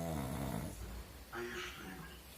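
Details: Sleeping pug snoring: a loud, rattling snore on the in-breath, then a softer whistling breath out; noisy snoring of a flat-faced dog.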